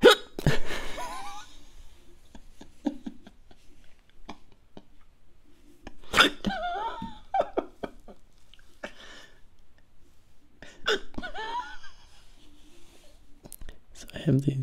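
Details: Sudden voiced hiccups repeating about every four to five seconds, with small clicks between them, in a quiet room during an attempted ASMR recording; hiccups.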